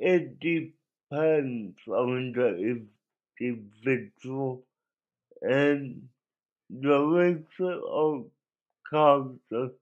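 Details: Adult male with cerebral palsy that he believes was caused by an overdose of a particular drug and that affected his voice; he cannot walk and has muscle spasms; dysarthric speech (cerebral palsy).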